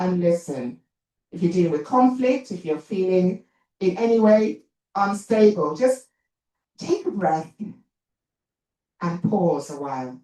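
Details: Talk by an adult woman, an actor and writer, who says she has a stammer; stuttering.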